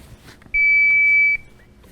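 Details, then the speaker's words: AED training demonstration: a single steady, high-pitched electronic tone under a second long, the automated external defibrillator's startup prompt beep before its voice instructions. "so the AED is revolutionary because it has visual prompts through flashing lights and pictures as well as auditory so I'm going to stop talking and let it speak"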